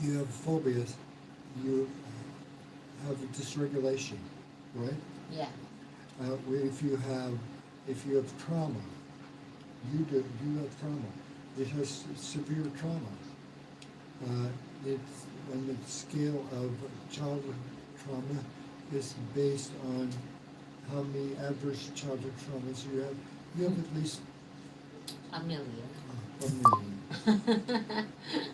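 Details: Man, an expat, about 115 days into self-therapy after a mild stroke, restarts sentences with hesitations; aphasia after mild stroke.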